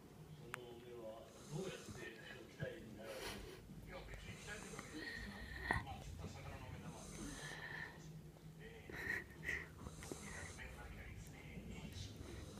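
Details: Female Jack Russell Terrier snoring in sleep: soft snorting breaths with faint whistling tones over quiet room noise.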